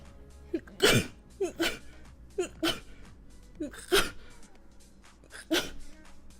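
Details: Girl sneezing repeatedly: a run of about five sharp sneezes, each with a short in-breath before the burst.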